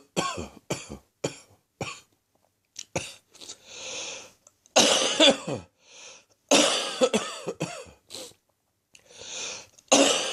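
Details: Late-morning coughing fits during a slowly resolving chest infection: several bouts of harsh, repeated coughing with short pauses and breaths between.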